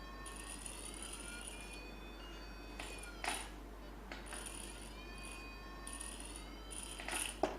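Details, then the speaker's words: Faint rising and falling irrigation-aspiration machine tones with brief high beeps during routine cataract surgery under peribulbar block: bimanual irrigation-aspiration hydrating and aspirating residual cortical lens matter after bimanual nucleus and epinucleus removal. "Now let us use bimanual irrigation aspiration for removal of this cortical lens matter. Let us hydrate the cortex first, all around. And now aspirate the cortex."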